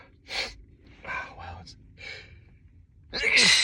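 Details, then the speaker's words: Person sitting and sneezing repeatedly on a bad sneezing day: several short breathy gasping intakes and voiced sounds ending in a sharp, loud burst of air, a sneeze. "this kid dude can't stop sneezing my goodness"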